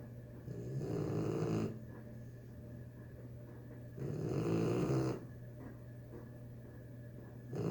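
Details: 3-month-old pitbull puppy snoring in the bathroom after a hard day: two long, rough, rumbling breaths a few seconds apart, steady snoring of a sleeping puppy.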